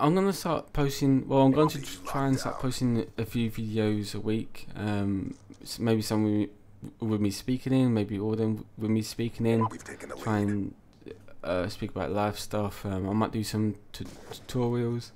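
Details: Adult male with a self-reported stammer that he says is not caused by nervousness; stuttering.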